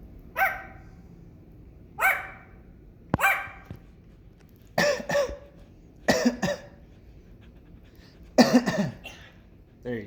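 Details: Pet bird on the second day of coughing: short, throaty cough-like bursts, about seven episodes, some in quick pairs, then a person asks "what?"; cough.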